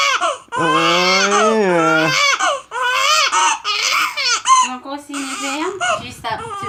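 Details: Loud, sustained crying from an infant girl who has the hiccups, in repeated wailing bursts with catching breaths between them; distressed infant cry.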